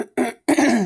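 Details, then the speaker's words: Two quick, harsh, throaty cough bursts from an adult woman on radiation treatment day 2; she attributes the cough to airway inflammation; a short dry cough. "That's my cough now, which isn't too bad, right? Yeah, I just have some inflammation in here, which caus"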